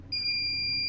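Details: Steady, high-pitched continuous electronic alarm tone from a Phoenix resuscitator being tested during repair of its power supply board after a no-power fault; medical device alarm beep.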